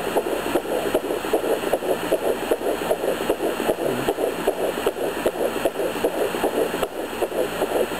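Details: Fast, regular whooshing pulses near 155 a minute through Doppler hiss at 11 weeks of pregnancy; mother hears two heartbeats, about 162 and 150 bpm, and wonders about twins; a fetal heartbeat in normal range.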